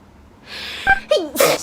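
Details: Japanese girl's single sneeze: a quick breathy intake and a short voiced 'ah', then a sharp, airy burst.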